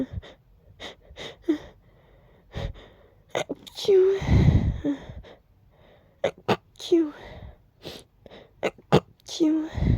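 Drawn-out 'ah… ah…' build-ups ending in forceful 'achoo' bursts, amid noisy breathy sounds: repeated sneezing.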